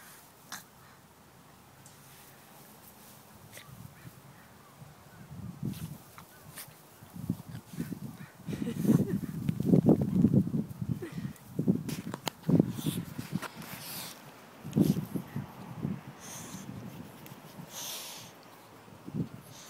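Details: Dog's rapid, irregular snorting and honking breaths in bursts; the owner calls it asthma and says it happens nearly every time they get home from work.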